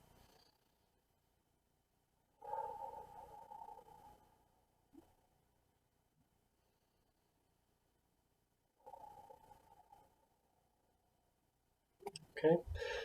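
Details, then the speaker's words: Pursed lip breathing demonstrated by a respiratory educator in a COPD program: quiet breaths in through the nose for 2 seconds, then longer, gentle, non-forceful exhales through pursed lips for 4 seconds. "So for pursed lip breathing, we're going to breathe in through the nose for a count of 2 seconds and out through the mouth through some pursed lips for a count of 4 seconds."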